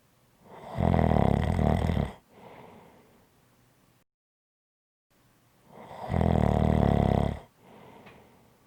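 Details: Snoring: two loud, low, rattling snores on the in-breath, each followed by a softer breathy out-breath and a brief silent gap.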